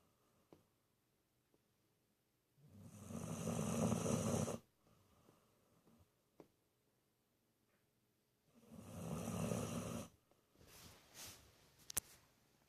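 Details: 19-year-old dog Benji sleeping with eyes wide open: two loud, rough, long rattling snoring inhalations several seconds apart, with quiet breathing between; snoring.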